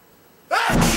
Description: An unexpected sneeze caught on film.